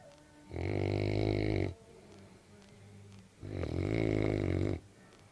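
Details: Senior Cane Corso snoring while asleep in the morning: two loud, deep, buzzing snores, each over a second long, with quieter breathing between.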